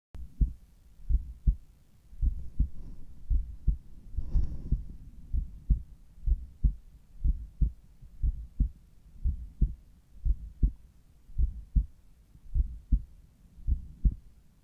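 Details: Morning heart sounds at the apex through a Littmann Cardiology IV stethoscope: steady, regular lub-dub at about 60 beats a minute with a brief rustle.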